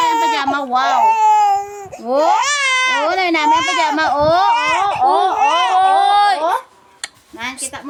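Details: Infant crying loudly in high-pitched, wavering wails that rise and fall, then quieting near the end.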